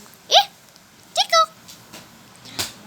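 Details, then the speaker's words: Baby with hiccups: a few short, sharp voiced catches in a quiet room. "Cekuk. Cekuk kan?"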